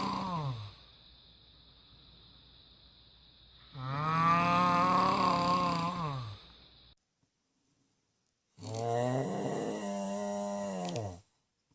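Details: Adult husband snoring during sleep: loud, drawn-out, deep-voiced snores on the in-breath, two heard, with a lowing, moo-like tone; heavy habitual snoring.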